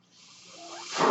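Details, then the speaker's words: Speaker's own mechanical ventilator heard while she talks: a breathy airflow hiss swells steadily over about a second, the rising whoosh of a ventilator-delivered breath. "hello everyone my name is that noise you're hearing is my ventilator"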